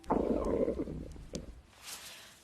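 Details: Stomach growl of a hungry character in the Korean TV drama Pinocchio, a staged scene: a loud gurgling stomach rumble, then a shorter second gurgle, ordinary hunger growling (borborygmi).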